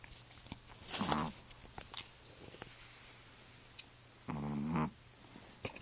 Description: My Pomeranian Loki snores it's so freaking funny